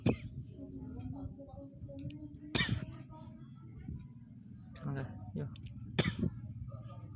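About three short, harsh cough bursts spaced a few seconds apart, over a steady low hum and faint background voices or music; isolated coughing.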